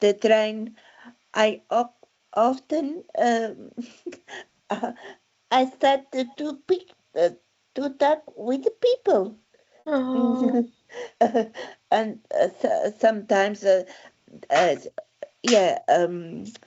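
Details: Adult woman with aphasia since a stroke in December 2016; she could not speak at all at first, was initially misdiagnosed with dementia, and spoke five languages before the stroke; real patient speech; aphasia.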